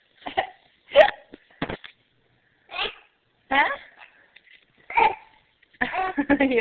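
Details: Baby with hiccups, offered a pacifier and blanket: short, abrupt voiced hiccups at irregular intervals, about seven in six seconds, in a quiet room.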